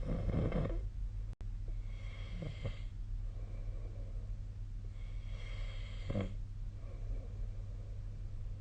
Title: 🐽 本日のイビキ / Snoring Sleep Sound 2025/02/01